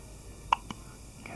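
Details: Four-day-old newborn, sleepy after a big feed, with hiccups: two soft, quick clicks close together.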